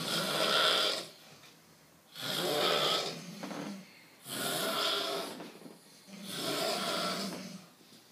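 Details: Loud, harsh rattling snores on each breath, about 29 breaths a minute, in a small room, likened to a pig being slaughtered; snoring.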